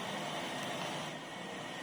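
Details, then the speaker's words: S9530 non-invasive BiPAP ventilator just started, patient tubing not connected, so airflow is louder than usual: a steady, airy rushing hum of the running ventilator. "now we press this button to start ventilation you can hear now we're not connecting the pipeline so maybe you hear the voice it's a little bit big but actually the ventilation is already start"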